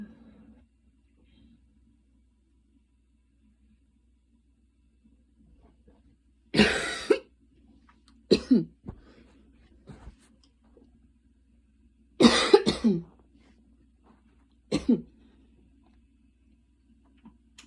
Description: i went on like a super fast run, for like 10 mins, light rain outside, a little cough, enjoyy